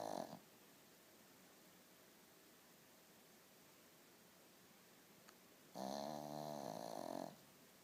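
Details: Pug snoring: a quiet room, then a drawn-out, buzzing, tonal snore.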